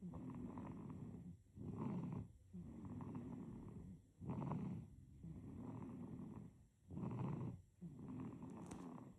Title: Baby snoring #snoring #babysnoring #baby #snor